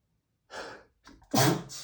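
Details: Sneezing fit on a rough allergy day with itchy, tickling nose: quick gasping breath in, then a loud explosive sneeze, one of 60+ rapid sneezes in a prolonged fit.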